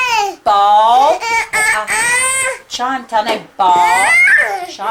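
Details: Young boy at home during an early intervention therapy session, making vocal attempts; childhood apraxia of speech.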